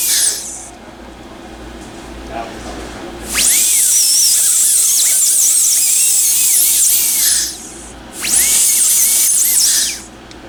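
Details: High-pitched dental handpiece whine in two bursts with quiet room noise between: a blue football-shaped bur smoothing a temporary crown's cusps so the patient, possibly still numb, keeps bite occlusion.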